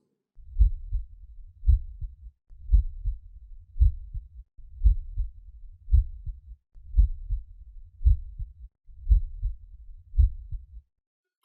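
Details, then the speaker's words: Steady, regular lub-dub heartbeat near 57 beats a minute with clean S1 and S2, played as a normal heart sound example for comparison with mitral stenosis. "so here are the heart sounds so here is a normal heart sound in case you're forgotten"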